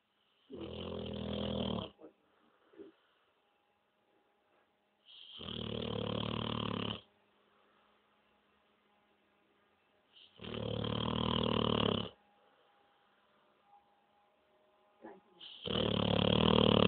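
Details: Ca de Bou dog snoring during an afternoon nap: loud, rough snores, each about 1.5 seconds long, roughly 12 a minute with quiet gaps between.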